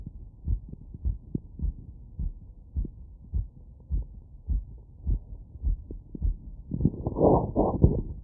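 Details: Heart sounds heard with a wireless stethoscope after running, auscultated over valve areas including pulmonic, aortic and Erb's point.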